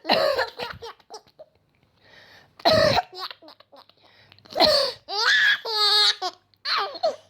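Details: Mother's cough: a few short adult coughs nearly drowned out by her infant son's loud, breathy belly laughter and giggles.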